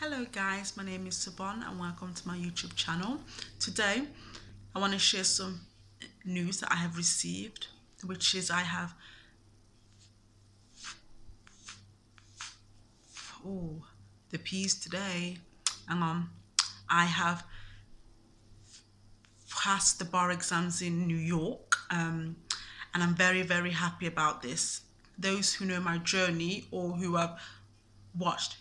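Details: Adult man who has stammered since at least university, says he is not fluent and does not speak clearly, and avoided speaking roles for about three years because of it; stuttering.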